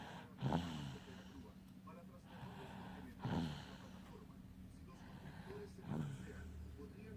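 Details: Baby girl asleep and tired after trick-or-treating, snoring loudly: three short snorting breaths about every three seconds, roughly 21 a minute, over a low steady hum.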